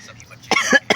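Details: Cough.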